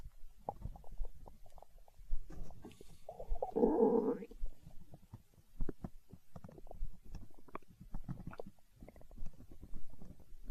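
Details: Hunger-related stomach growling (borborygmi): low gurgling and bubbling rumbles with a longer growl midway.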